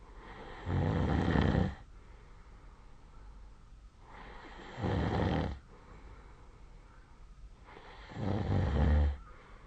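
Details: Adult asleep, recorded with a snore-tracking phone app: three loud, rough, low snores on the in-breath, about 16 breaths a minute, with quiet pauses between; snoring.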